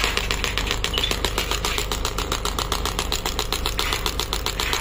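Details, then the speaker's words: 10-bar pneumatic ballistic air-compression ESWT machine started from the handle: rapid, regular mechanical knocking at about eight strikes a second; shockwave therapy machine firing. "then you need to press the start button once you press the start button and the start button in the the handle then it will start working"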